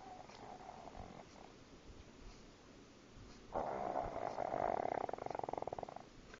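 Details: Sleeping pug snoring very loudly: a loud, buzzing, fluttering snore on the breath in, with a quieter snore before it; noisy sleep breathing typical of short-nosed dogs.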